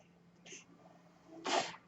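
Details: A man's own ventilator heard while he records a podcast: a short airy hiss, then a louder rushing puff of air as the mechanical ventilator cycles through a breath.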